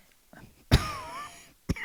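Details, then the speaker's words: A single sharp adult cough with a brief rough tail, then the start of a second cough, during a podcast conversation. "oh God no sorry we don't have a cough button on this podcast"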